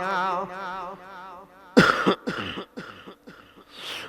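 A man's sustained chanting voice breaks off into a loud, harsh cough, then several shorter bursts.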